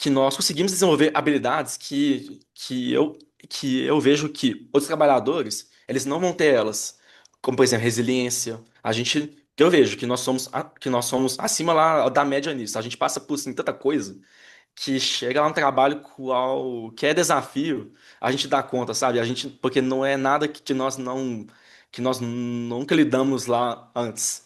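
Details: Adult man who stutters and has had speech therapy and psychotherapy since childhood, speaking with word and phrase repetitions; stuttering.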